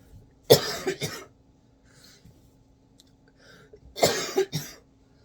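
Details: Two bouts of two to three harsh coughs each with quiet breathing between, in a quiet room during a school-day vlog; speaker then reaches for water; repeated cough.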